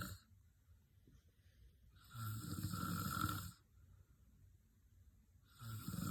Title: Loud snoring 😤